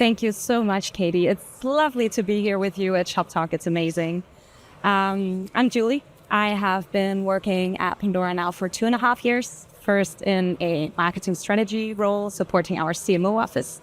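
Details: Adult woman speaking; normal voice.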